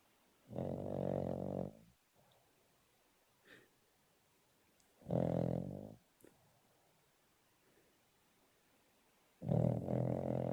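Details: Female rescue Cavalier dog asleep on a sofa, snoring hard enough to vibrate it: three loud, low, rattling snores about four seconds apart with faint sounds between; snoring.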